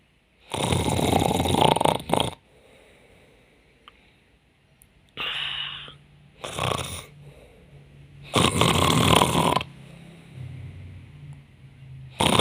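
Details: Adult woman pretending to be asleep and snoring to see her partner's reaction: bursts of harsh, rattling snorts with quieter breathing between them; simulated snoring.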